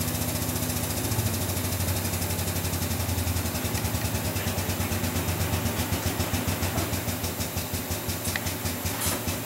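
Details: High-frequency oscillator ventilator running during a staff in-service, apparently in an infant setting: steady, rapid mechanical thumping whose pulsing rhythm slows slightly as the rate is turned down.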